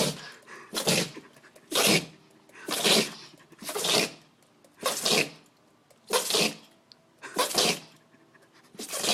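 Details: Dog with repeated sneezing, about one sharp, airy sneeze per second, cause unknown to the owner.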